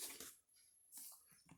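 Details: Teenage boy with Tourette syndrome, onset at age 9, making an involuntary vocal tic; he also has motor twitches.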